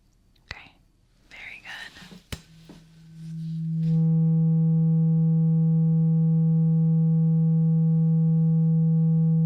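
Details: Soft whispering and tapping, then a steady low pure tone held several seconds in a simulated ASMR ear-exam roleplay: a hearing test on one ear with eyes closed, the listener asked to say when the sound stops.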